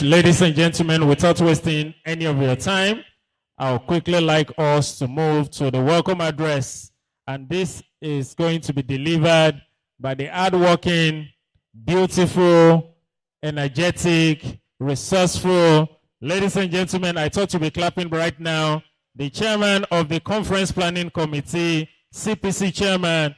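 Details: Adult male speaker; normal voice.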